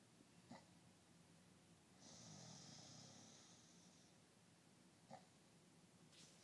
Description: My lovely SO snoring. This was uploaded at his request.